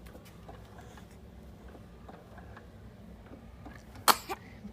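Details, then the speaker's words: A person on a swing gives one sharp sneeze, then a softer second one, in a quiet room; sneezing. "Bless you. So fun despite the sneezes."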